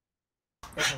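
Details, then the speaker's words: Honking cough from a dog's upper airway, a clear-cut case of tracheal collapse, in a veterinary case discussion on laryngeal paralysis and airway collapse. "this was a clear cut collapse sometimes we can get confused because sometimes we have both uh entities diseases going on"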